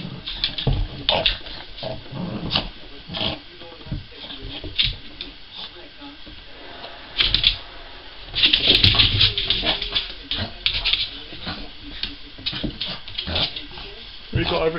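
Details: Lexie, a female Cavalier King Charles Spaniel, having a reverse sneeze during play: rapid, irregular snorting inhalations.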